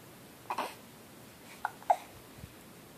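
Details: Infant in a quiet room making several soft, abrupt catching sounds; hiccups.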